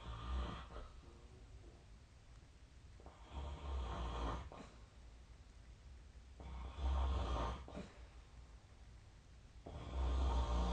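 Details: Sleep snoring recorded with the SnoreLab snoring app on 2024/12/26: deep, rumbling snores in a steady rhythm, about 19 breaths a minute, with softer airflow noise between.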